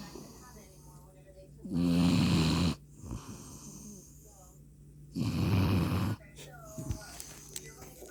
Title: German Shepherd SNORING!!!!